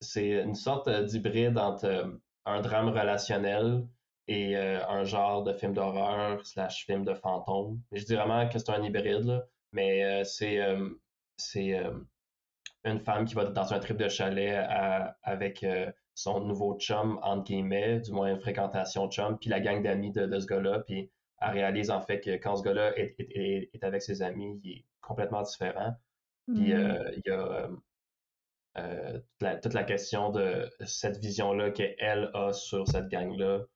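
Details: Stuttering in a young male filmmaker who reports mostly silent blocks and sometimes short repetitions, especially when saying his name.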